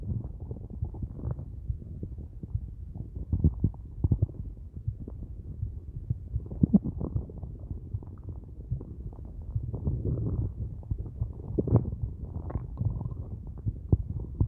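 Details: Empty stomach at the end of a day with only a large cup of coffee: continuous low gurgling and rumbling, hunger-related borborygmi.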